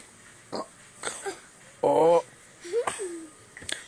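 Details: Young girl burping deliberately on request to show off: a short, deep voiced belch amid quiet child vocal sounds and breaths; burping.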